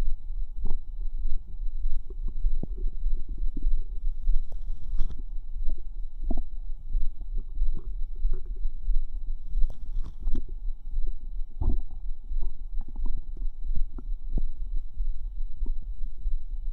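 Irregular low gurgling, bubbling and squelching sounds throughout are normal bowel sounds of gas and fluid moving through the gut.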